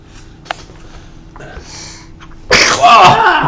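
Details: Person sneezing: a short intake of breath, then one loud, explosive sneeze, with light room noise.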